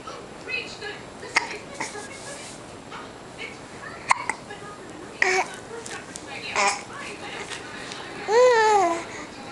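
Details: Infant who often gets hiccups: brief sharp catching sounds at intervals between babbling and vocal sounds; hiccups.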